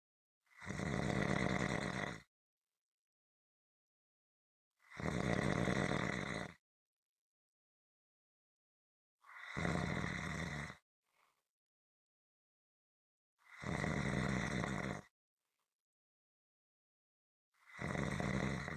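Loud, harsh rattling snores about every four seconds, roughly 14 a minute, with silence between them: steady rhythmic snoring.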